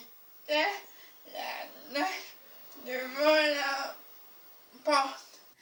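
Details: Young woman with spasmodic dysphonia who reads aloud at home all day trying to normalize her voice; reading aloud can considerably aggravate the disorder. Recorded during lockdown, when patients could not get their usual botulinum toxin injections; spasmodic dysphonia.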